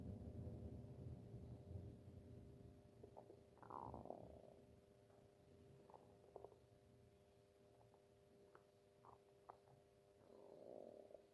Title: stomach growling